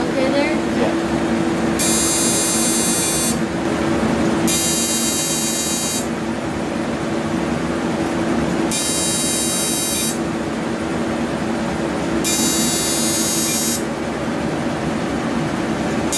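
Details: 28-year-old male, first Deep FX fractional laser skin treatment: steady hum and room noise broken by four bursts of high buzzing, each about two seconds, as the laser fires in passes.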